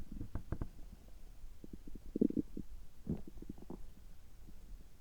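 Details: Adult's abdomen recorded just after upper gastrointestinal endoscopy (gastroscopy), result normal: bursts of gurgling and bubbling stomach rumbles with quieter pops between; ordinary bowel sounds.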